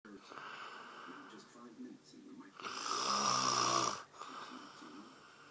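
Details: Father snoring while asleep: a rough, rattling snore on inhalation over a steady room background, followed by quieter breathing.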